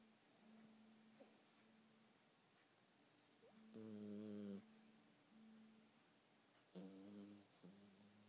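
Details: Dog asleep: two loud, low buzzing snores over steady low background droning in a quiet room; snoring.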